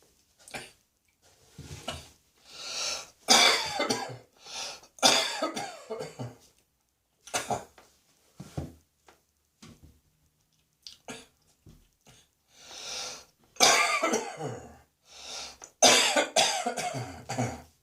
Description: While the mouse is away the cats will play! - and cat hairs make me cough!